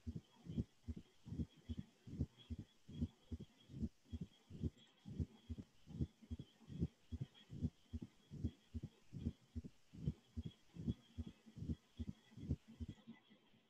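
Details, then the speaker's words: Mitral stenosis: regular heart sounds at about 74 per minute with a very quiet diastolic murmur, crescendo from atrial kick, stopping at S1. "murmur and the reason why it's actually crescendo is your atrial kick so it opens some blood starts going in and then you have that atrial kick and boom it gets a little bit louder and then stops right at s1 which is mitral valve closure"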